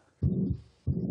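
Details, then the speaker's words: Stethoscope teaching example: low heart sounds with a sustained whooshing murmur filling systole, a systolic murmur of mitral insufficiency (left atrium–left ventricle valve). "c'est la contraction du cœur c'est le sou cistolique d'une insance mitrale mitrale la valve du côté gauche entre l'ORE gauche et ga"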